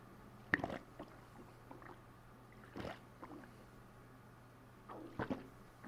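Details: Bowel sounds (borborygmi) brought out by pressing a fist down on the stomach: a handful of brief, irregular watery gurgles and squelches against a faint low hum.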